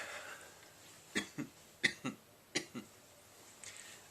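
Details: 31-year-old man with Tourette syndrome since about age 9, mostly motor tics plus coughing vocal tics: three short pairs of soft, dry cough-like throat noises in a quiet room; coughing vocal tics.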